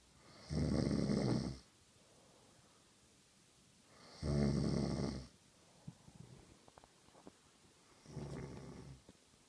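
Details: Three loud, rough, rumbling adult snores at about 17 a minute, with quiet breathing and faint room noises between.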